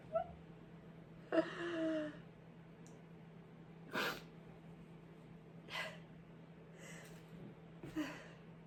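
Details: Several sharp, short sneezes from a person who is sick with a cold, in a quiet room with a steady low hum behind.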